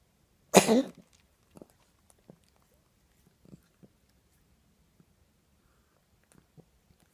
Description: Cat coughing sounds like choking, but it's a cough and diagnosed as bronchitis